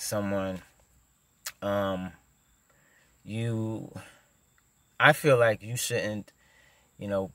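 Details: Adult male who stutters; stuttering.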